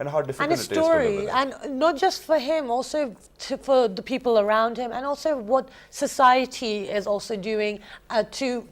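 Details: Adult woman speaking; typical speech.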